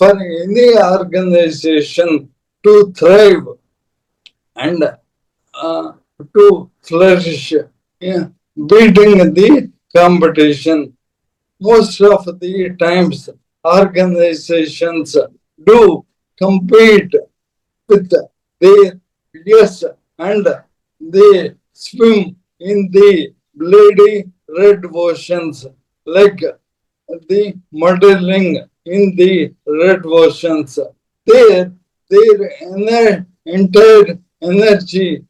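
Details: Dysarthria in an adult man: Parkinson's disease from 2022, diagnosed late, very severely affecting speech and mobility; later diagnosed with ALS / motor neuron disease.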